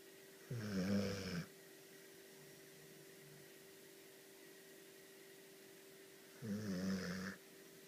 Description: Like almost every night, our 2y old Magyar Vizsla Diva is snoring on our couch